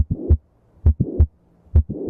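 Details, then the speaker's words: Mitral valve prolapse murmur demonstration, with the mitral valve bulging back into the left atrium: a heartbeat near 67 a minute with a soft systolic murmur and a sharp click. "mitro valve prolapse murmur the mitro valve bulges backwards into the left atrium"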